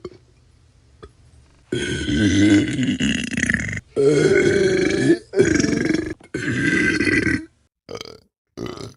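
Several long, loud, rumbling belches in a row from a sound-effect compilation: burping.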